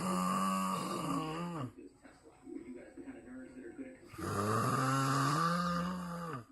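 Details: Snoring: two loud, deep, rumbling snores with a resonant growling tone like a grizzly bear, separated by a quieter breathing pause.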